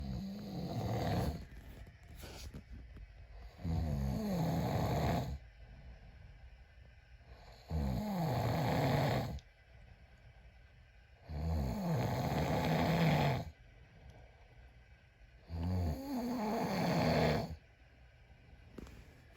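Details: Husband snoring at night: loud, rough snores on each in-breath, about 15 a minute, with quiet gaps between; ordinary snoring.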